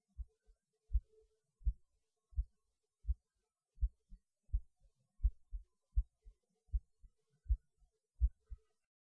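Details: Normal heartbeat recorded during lunch after the person felt their heart beating harder while eating, which they say is usual for them. Clear, steady lub-dub at about 80 beats per minute against a quiet background.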